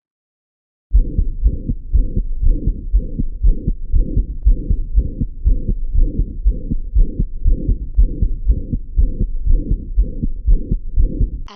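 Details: High-pitched systolic murmur.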